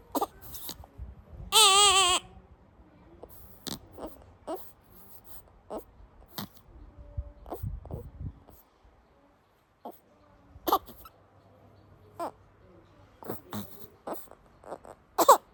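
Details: Soft grunts, squeaks and one brief wavering cry from a drowsy newborn baby girl; normal newborn sleepy sounds.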